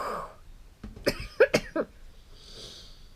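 A short run of four quick, fairly dry coughs in a quiet room: cough from an adult with a minor illness.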